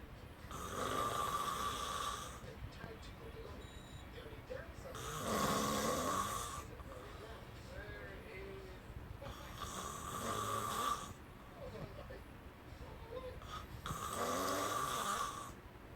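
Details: Snoring during sleep that kept a listener up all night: regular rough snores about every four seconds, roughly 14 per minute, over faint background sound.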